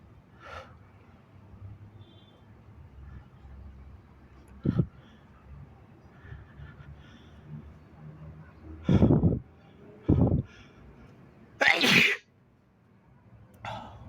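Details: Sniffs and breaths build up, then several explosive sneezes, the last loud and very wet with a spraying hiss; uncovered sneezes, spraying onto the legs.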